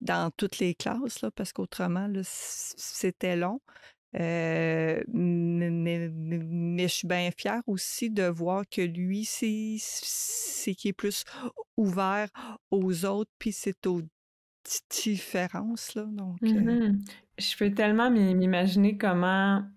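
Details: Adult woman who stutters, a mother of two teenagers, speaking French in a podcast interview; stuttering.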